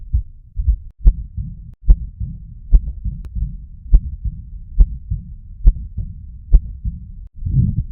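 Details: A real heart recording at about 70 beats a minute, with sharp clicking beats and a continuous low rumble between them: an abnormal heart sound.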